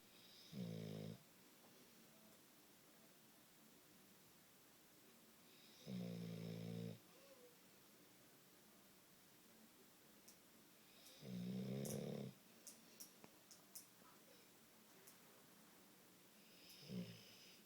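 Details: Four loud, rumbling snores about five seconds apart, roughly 12 breaths a minute, in a quiet room; snoring.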